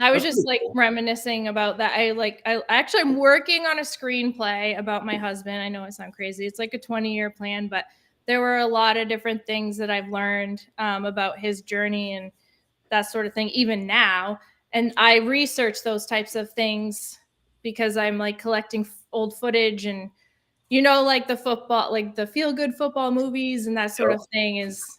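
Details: Adult woman speaking; ordinary speech.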